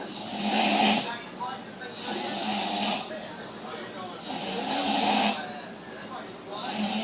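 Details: Loud, harsh snoring on each breath in, about every two seconds, with quieter breaths out between, with background music.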